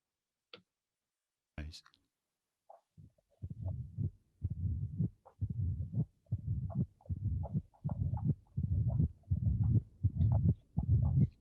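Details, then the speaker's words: Low rumbling heart sounds speeding to about 80 a minute after physical exercise: as the patient becomes tachycardic, flow through the mitral valve rises and the murmur grows louder; mitral stenosis murmur increased by exercise. "so as the the patient becomes tachycardic the output will increase the flow through the mitral valve will increase and if the flow through the metal valve increase then uh you as you can easily appreciate the the murmur will increase"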